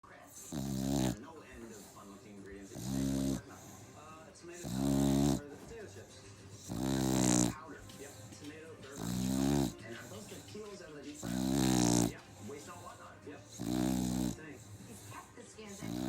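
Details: A sleeping dog gives loud, regular snores at about 28 a minute, each a buzzing, slightly voiced rattle on the in-breath; dog snoring.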